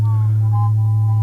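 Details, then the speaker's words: Simulated low-pitched tinnitus: a steady hum approximating what one man hears in his left ear, possibly from flying while congested or from permanent hearing damage. "this is what it started with in South America it started with this hum in my left ear this is approximately the note that I hear in my left ear"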